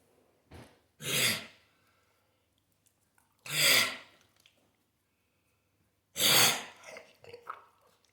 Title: coughing 2